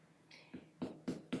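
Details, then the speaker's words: Pulmonary assessment demonstration, finger percussion over an intercostal space of the upper anterior chest: three short hollow taps giving a resonant note, the normal percussion sound. "supposed to hear of resonance that's the normal sound during precaution"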